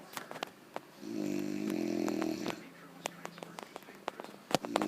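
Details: One long, rough, buzzing inhaled snore lasting about a second and a half, with some clicks and room noise around it; snoring.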